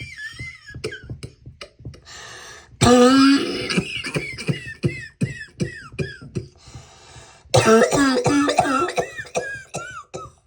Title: My first cough video!